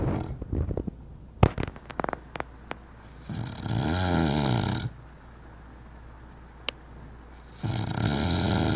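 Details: Person sleeping and snoring: loud, rough, vibrating snores on two breaths, with clicks and room noise between them.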